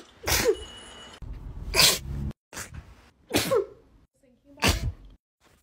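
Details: Sneezing compilation clip: five sharp, explosive sneezes in quick succession with brief gasps between; a sneezing fit.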